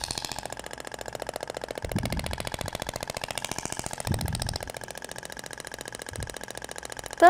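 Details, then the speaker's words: Rapid, steady mechanical clicking with brief low thuds and room noise from an IBRAMED Thork radial shockwave device (max 200 mJ) on the abdomen near the navel, second applicator tip sounding different from the first; slow passes over gel. "agora vai para o sentido até o barulho é diferente da ponteira de cordas e tal para ir"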